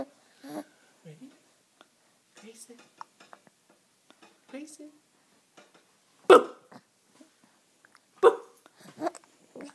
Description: Giggling with the hiccups.